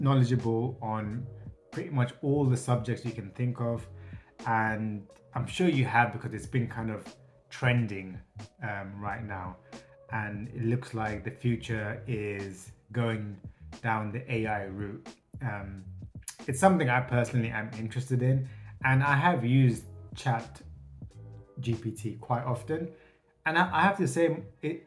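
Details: Stuttering in an adult man who states he has a stutter.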